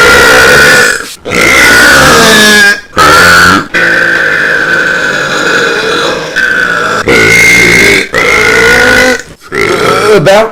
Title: burps for a minute [EARRAPED]